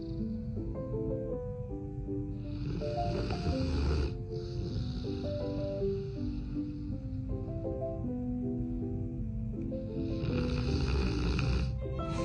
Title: Snoring dog